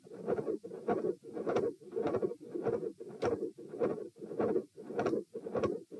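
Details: Heart auscultation at position P during a stress test in hot weather, rates 90-102-132-78 bpm while lying, sitting, standing, then lying. A regular beat of about 100/min with a whooshing sound between beats: mid-systolic murmur with a very loud S2.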